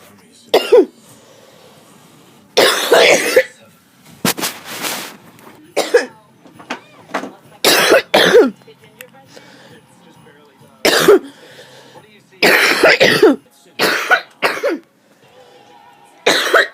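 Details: Person with a common cold: about a dozen harsh, forceful coughs, some in short runs, with a throat clear; rough cough.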